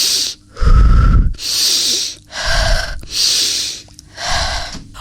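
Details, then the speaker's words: A girl in a children's educational programme breathing in and out loudly and on purpose, each breath about a second, while listening to her own body: normal, deliberately loud breathing. "हाँ, अब मैं अपनी सांस सुन सकती हूँ। अंदर, बाहर, अंदर, बाहर। मैं अपनी सांसों की आवाज ऊंची कर सकती हूँ।"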